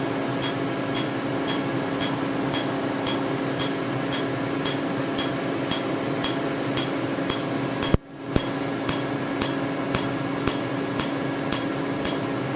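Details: Candela TriVantage Q-switched laser tattoo removal, 755 nm alexandrite for green ink and 532 nm YAG for red, on a tattoo now very faint; sharp, regular snapping clicks about twice a second over a steady machine hum.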